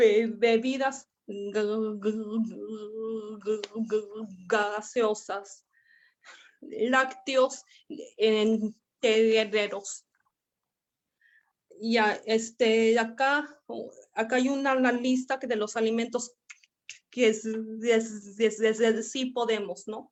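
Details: Stuttering in a Spanish-speaking man from Argentina, attending a stuttering practice group for the first time, giving a deliberately unprepared presentation because he is having problems with his spontaneous speech.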